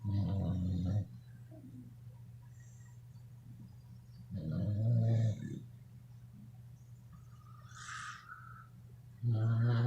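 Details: Sleeping beagles snoring: deep, loud, rumbling snores about every four to five seconds, with quiet gaps between.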